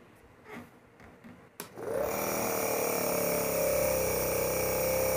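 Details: Dr. Trust Penguin model 403 compressor-cum-nebulizer demo with distilled water and mask fitted: a click, then a steady loud motor hum and hiss as it starts and runs, pushing mist through the mask; compressor nebulizer running.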